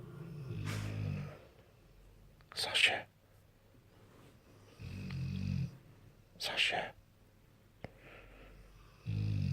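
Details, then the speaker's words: Bullmastiff asleep on a bed snoring loudly: deep, rumbling snores on inhalation alternating with softer airy exhalations, roughly 15 breaths a minute. "I've got four company as I said the passive does snore loudly he's taken over my pillow"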